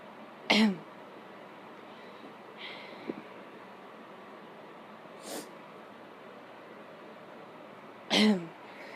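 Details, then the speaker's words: An adult sniffs pepper to induce sneezing: two sharp, explosive sneezes several seconds apart, with quieter sniffs between. "so um I am sniffing pepper while trying to uh do some sneezes that one was kind of messy"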